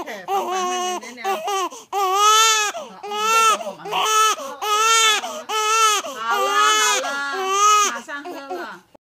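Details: An infant gives loud, rhythmic crying in repeated wailing bursts, with short breaths between them; infant cry.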